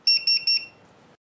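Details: Fresenius Kabi Agilia infusion pump: three quick high-pitched electronic beeps, signalling that a delayed infusion is starting.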